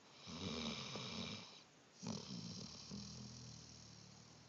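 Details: Sleeper with two rough, rattling breaths drawn in, and a softer third starting; ordinary snoring.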